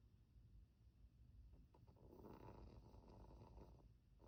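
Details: Chihuahua sleeping with eyes open and twitching while snoring: snoring.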